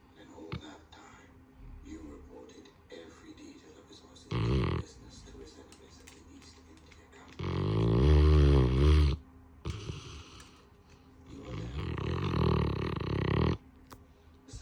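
Very loud, deep, fluttering snores in long bursts from a large sleeping dog, with quieter breathing between them.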